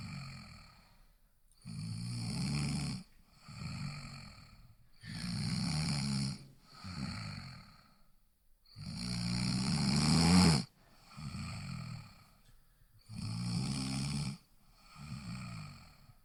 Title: Snoring Sounds